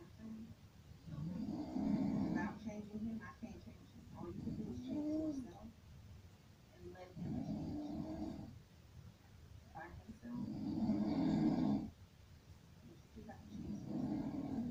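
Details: Sleeper snoring: loud, rattling, throaty snores on breaths in, roughly every few seconds, with quieter breaths out between them; snoring.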